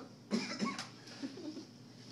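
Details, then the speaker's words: Manually assisted cough demonstration, cardiopulmonary technique: after a deep breath the patient coughs while the therapist's hands push down on the lower ribs. A short series of moderate coughs. "breathe out breathe into my hand and cough down on their lower ribs so as he's coughing i'm pushing down this way onto his chest"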